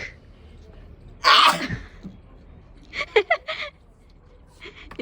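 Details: Single short, small sneeze followed by brief voiced sounds and a laugh, recorded during a sneezing challenge vlog; ordinary sneeze.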